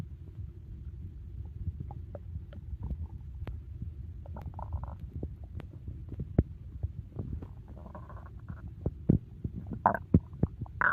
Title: Stomach Growling After a Big Meal 🍕 | Loud Digestion Sounds